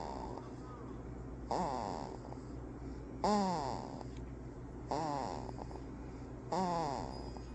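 Soft, regular snorting snores with a rising tonal edge, about 36 a minute, over steady room hum: infant snoring.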